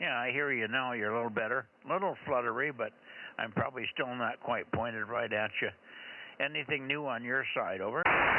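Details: Adult man over two-way radio; ordinary speech.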